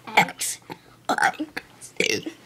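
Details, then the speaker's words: A person deliberately burp-talks the alphabet, producing several loud, voiced belches shaped like spoken letter sounds; burping. "Hi, I'm, and this is my friend doing the ABCs. While burping. B W"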